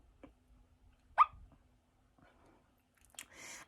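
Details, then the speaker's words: A single sudden, sharp, bark-like vocal burst in a quiet room, then soft noises: a simple vocal tic in a person with Tourette syndrome who is talking about its stigma. "people think that people with threat syndrome or those with threat syndrome shouldn't be on the workforce they shouldn't work anywhere publicly because they have noises or they might swear"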